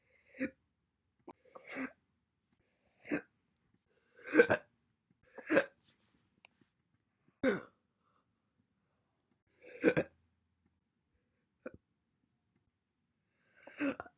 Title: My Single hiccups throughout the entire months January 1st, 2021 to April 30th, 2021